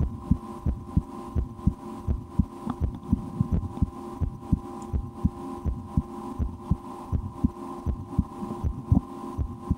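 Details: Adult's own heartbeat through a stethoscope in an ASMR recording, with breath-holding and a game to speed the rate; steady lub-dub about 80/min with a constant low hum and faint clicks; heartbeat.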